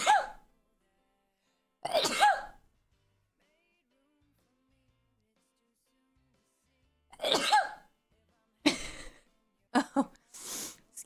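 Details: Sudden sneezing fit mid-sentence during a live stream, announced just before ("I'm about to sneeze"): a run of sharp, explosive sneezes in close succession, each preceded by a quick inward breath.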